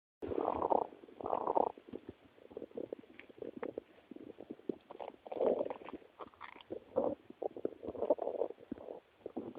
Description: English: My best noises of my stomach.